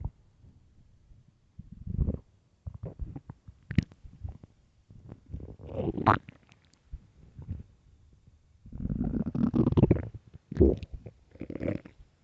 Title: early morning stomach growls (headphones) part 2